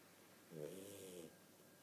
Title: Mr Wrinkles snoring! Lol